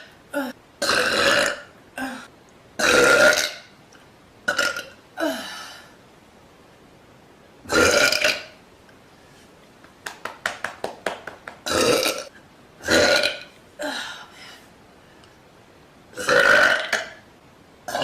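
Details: Young woman repeatedly burping loudly on a couch, about nine loud, low belches separated by pauses with brief shuffling noises; compilation.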